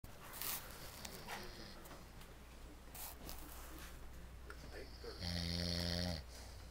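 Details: Snoring during a nap: noisy breathing with a loud, buzzing, rattling snore near the end over steady low room hum.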